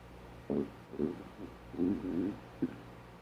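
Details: Adult's empty stomach growling because they haven't had breakfast yet: several low gurgling rumbles and brief squelches over a quiet room hum.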